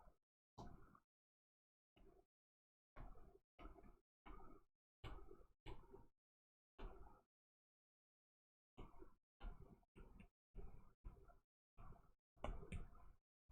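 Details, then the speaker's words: Adult with a lingering cough about three weeks after being treated for bronchitis: around fifteen short, harsh coughs in loose clusters with quiet gaps, a persistent post-bronchitis cough. "Yeah, I don't know what's up with the cough. Like, I was medicated for bronchitis like three weeks ago and like I've still got like a weird bit of a cough."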